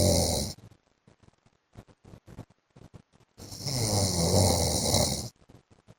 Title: 15 MINUTES MY HUSBAND'S SNORING SOUND